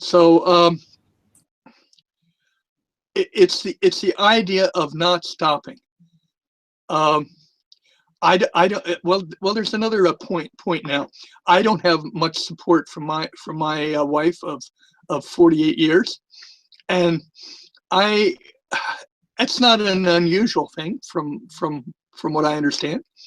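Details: Stuttering from time to time with a lisp in an adult man; he says the lisp is more noticeable with the microphone close to his mouth.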